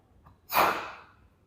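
A brief faint intake of breath, then one sharp, breathy burst of air that trails off: a single sneeze.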